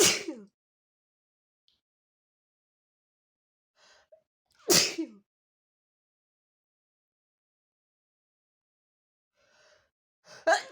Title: how strong are strong sneezes?